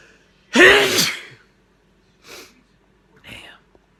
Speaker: what that's what a grown woman sneeze sounds like hey